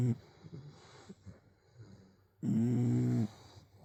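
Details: Snoring in a sleeping English Bulldog: quiet breathing noises, then one loud, drawn-out rumbling snore.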